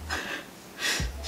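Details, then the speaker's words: Female pet dog snoring while asleep in a quiet indoor room: two rough, noisy breaths with a low rumbling flutter. "i don't know if you can hear my dog"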